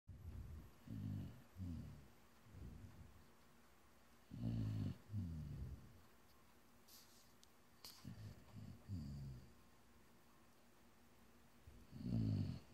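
Low, rumbling, fluttering breaths in irregular bursts with quiet pauses between, typical of snoring during sleep.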